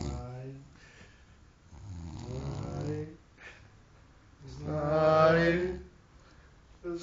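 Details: Snoring from a sleeping man on Christmas day: two long, loud, rumbling, droning, vibrating breaths separated by quiet pauses.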